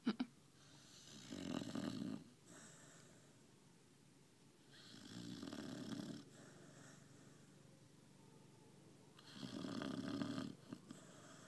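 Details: Sammie, a female pet asleep after a hard day of walking and eating: three slow, rough snores about four seconds apart, roughly 15 breaths a minute, in a quiet room; snoring.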